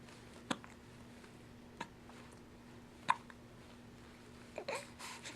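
Four soft, sharp hiccups about a second and a half apart in a quiet room.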